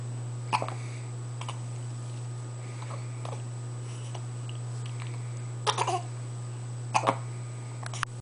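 Short, soft catching sounds at irregular gaps, several in a few seconds, over a steady low electrical hum.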